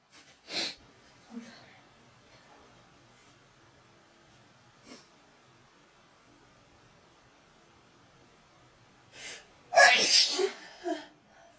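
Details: Girls sneezing from a Covid-19 nasal swab test (self-swab): several sharp, explosive sneezes with brief gasps in a quiet room; a swab-induced sneeze reflex.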